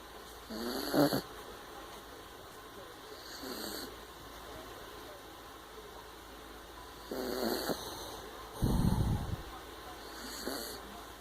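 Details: Sleeping puppy snoring: soft, rough breathing noises on and off over steady background hiss, with one louder low snort.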